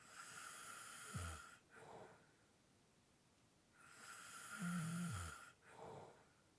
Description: This is a 7 minute clip of light snoring / heavy breathing.